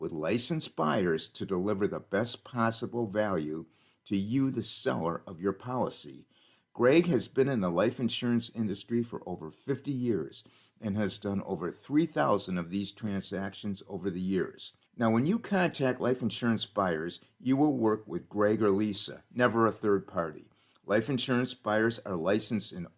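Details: Adult male speaker; Normal fluent speech.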